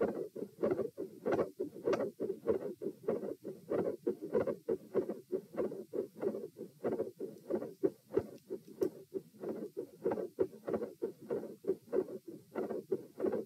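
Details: Heart auscultation stress test at tricuspid area (T), 84-120 bpm across posture changes and knee bends; rapid loud beats near 100 a minute with split S2, extra sounds and shifting murmur, getting louder.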